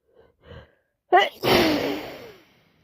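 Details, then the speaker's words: Quick inward gasp then one forceful explosive sneeze that fades out, from a head cold with three days of constant sneezing, itchy runny nose and sniffing. "That is cold. It's never going to get better. Sneezing, sniffing, constantly sneezing, napping and wiping my nose."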